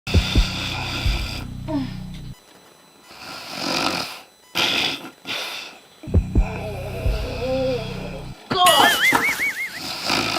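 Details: Simulated comedic imitation of a husband snoring; exaggerated loud snores with whistling sounds on the out-breath.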